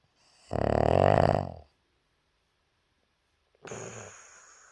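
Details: Puppy, very tired after a rough day of playing, asleep: one loud, rattling snore on the in-breath, a quiet pause, then the start of a softer second snore; snoring.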